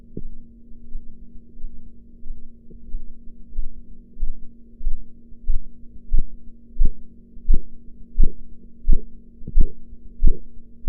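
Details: Blood pressure practice recording with enhanced audio: regular low tapping Korotkoff sounds emerge from a steady hum and grow louder as the sphygmomanometer cuff deflates.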